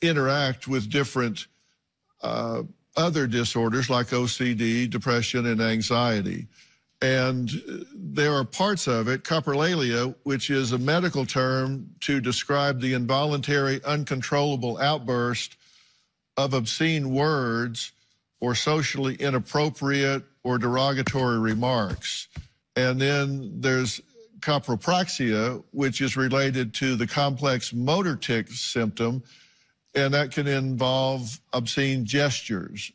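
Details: Adult male speaker; typical speech.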